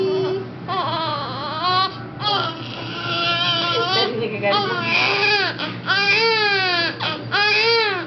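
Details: Infant with hiccups crying: repeated wailing cry bursts with short breaths between, an adult's voice faintly in the background; infant cry.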